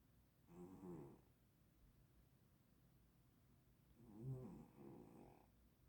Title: cat snoring.